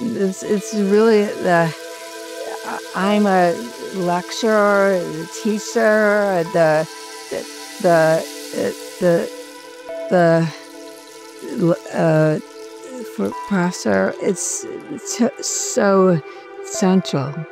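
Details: Female former professor with severe aphasia after a stroke, speaking with repeated words: aphasia (non-fluent, with word repetition).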